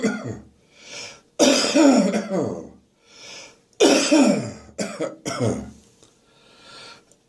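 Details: Adult morning cough with catarrh still in the chest and throat: five harsh, hacking coughs with rough throat-clearing tails and noisy in-breaths between; productive cough with throat clearing.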